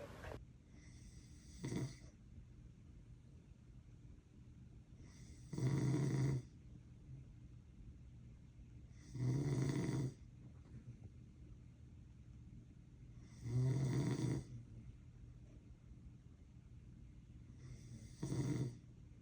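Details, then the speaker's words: Snoring while asleep, caught by mother: loud, rough snores with each breath in, about 15 a minute, separated by quiet pauses. "I told my mother I don't snore, but she caught me doing this."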